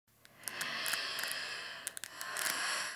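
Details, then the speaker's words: Respiratory therapist's vocal imitation of fine crackles: airy breath noise with brief, soft crackling clicks, like tearing velcro. "the next one is going to be fine crackles now fine crackles are this sound right here"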